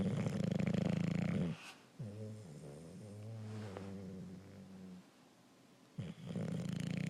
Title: Hank the bulldog snoring.